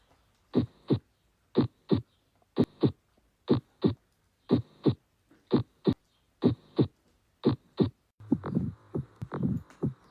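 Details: Regular paired lub-dub normal heart sounds at about 60 a minute; only the first and second heart sounds are heard, with no third or fourth sounds audible.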